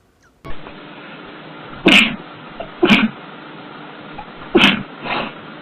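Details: Female sneezing bout, tagged allergies and sinuses: three sharp sneezes and a softer fourth in quick succession over steady background hiss.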